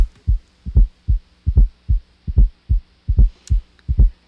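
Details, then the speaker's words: Teaching heart-sound recording: regular heartbeat near 74 a minute with a soft, low-pitched extra thud at the end of diastole, just before each first sound (S1); fourth heart sound (S4). "This time the extra sound is not coming right after the dub, it's coming just before the lub, just before S1. So the main clue here is timing."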